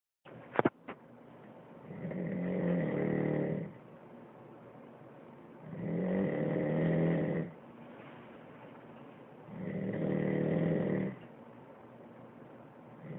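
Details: The recorder's own snoring while asleep: loud rattling snores in three long inspiratory bursts about every four seconds, with quiet exhalation between.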